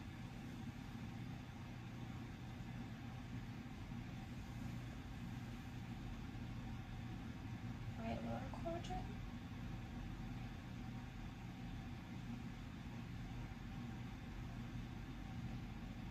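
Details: Normal bowel sounds heard on auscultation of the four abdominal quadrants during a student nurse's abdominal assessment of a healthy belly.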